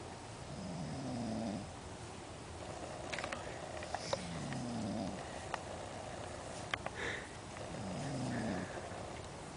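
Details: Soft rhythmic snoring with each breath, about 17 a minute, with faint clicks and room noise, recorded at dawn deep in the Jura; jokingly called a deadly snore.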